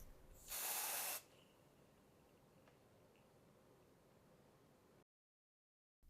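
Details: One short hissing spray burst under a second, then quiet room sound: Quick Stop oxidized-cellulose haemostatic spray applied to a bleeding wound, possibly together with a self-adhesive bandage.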